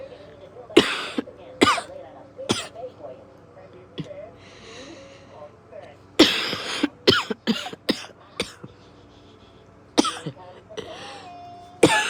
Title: Exhausted…coughing…